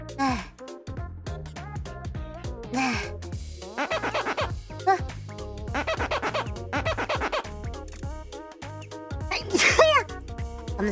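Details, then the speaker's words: Several short, sharp sneezes in a row from an adult woman, who says she can't believe they keep coming consecutively, partly covered by steady background music: sneezing. "갑자기 누가 내욕했지? 갑자기 어떻게 이렇게 제책기가 연속으로 나올 수가 있어?"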